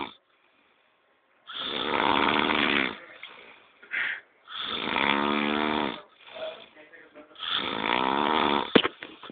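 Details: Three loud, rattling, voiced snores on successive breaths, each over a second long, with quiet pauses between: heavy snoring.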